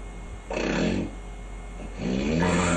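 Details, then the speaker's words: Sleeping adult man with sleep apnoea syndrome whose breathing suddenly changes: two loud, rough snores; snoring with obstructive sleep apnoea. "souffre du syndrome d'apnée du sommeil le sas une maladie qui affecte d'après une récente étude 5 % de la population en France et en Grande-Bretagne"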